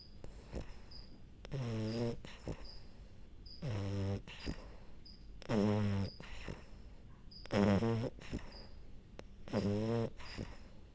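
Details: French bulldog snoring while falling asleep: regular low, rumbling snores on each inhalation, about 30 a minute, with quiet pauses between.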